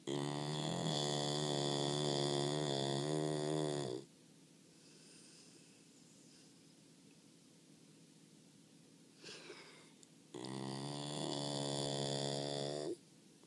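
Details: Snoring American Bulldog: long, loud, buzzing snores with quiet pauses between, about six seconds apart; steady, heavy snoring.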